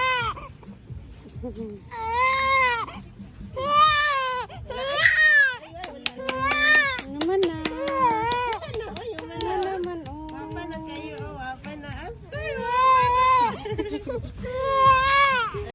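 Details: Baby during ear piercing: repeated high-pitched crying in bursts with short sobbing breaths between, a distressed pain cry.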